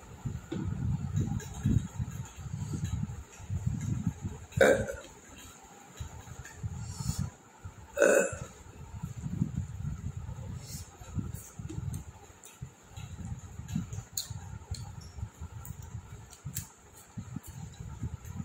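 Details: Two sharp, abrupt hiccups with belching over room noise and low rumble, real hiccups after eating whole very hot chillies without drinking water for a long time.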